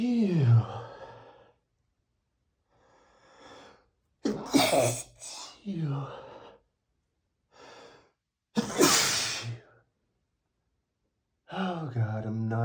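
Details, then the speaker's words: Male, allergic to perfume, sneezing after spraying perfume right under his nose: several forceful sneezes with sharp intakes of breath before them and sighs between; repeated allergic sneezing. "Sometimes I get tired of sneezing so much. I guess I should try to avoid spraying perfume right under my nose."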